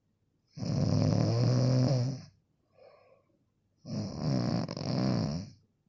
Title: Snoring sound effect | Royalty free